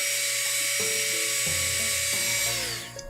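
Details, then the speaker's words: Dental drill used for woodcarving: steady high-pitched whine shifting pitch under load, over background music; dental drill running. "I'm using a dental drill that's what this is at the end this is something a dentist would use on your teeth"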